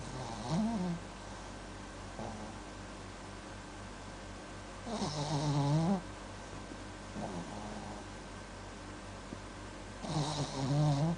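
Soft, rough snoring sounds with each breath, recurring about every five seconds, from a sleeping dog in a quiet room.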